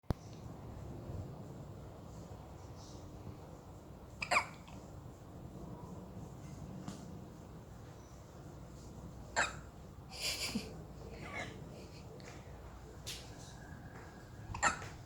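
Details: Hiccups in a 6-day-old baby: four brief, sharp hiccups over about fifteen seconds in a quiet room; caregiver says the baby did not feed well and swallowed air, face went red, and patting the back helps.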